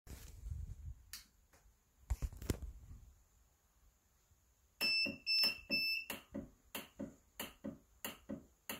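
A transport ventilator gives a short run of high electronic alarm beeps, followed by rapid regular mechanical clicking.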